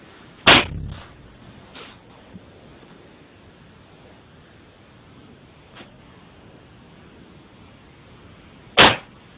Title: Cat Sneezes Very funny!!